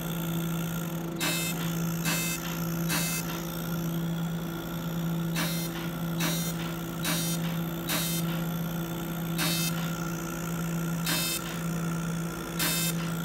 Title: Fractional CO2 laser for Skin rejuvenation